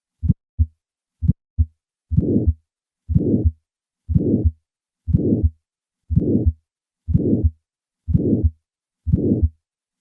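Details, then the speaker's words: Simulated heart sounds at about 60 a minute: two clean normal beats, then an ejection click starting a late-peaking harsh systolic murmur of valvular aortic stenosis, suggesting a bicuspid aortic valve. "Notice the ejection click that initiates this murmur."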